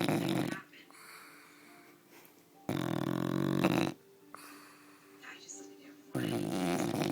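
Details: Loud, rattling snores roughly every three seconds, about 18 a minute, with faint room noise between, from a sleeping female bulldog: snoring.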